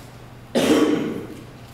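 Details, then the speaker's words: Teenage boy with Tourette syndrome, a neurobiological disorder of involuntary, sudden motor and vocal tics; one abrupt, harsh cough-like throat-clearing burst in a quiet room, a simple vocal tic. "it results in motor and vocal ticks the ticks are involuntary they're rapid and they're sudden"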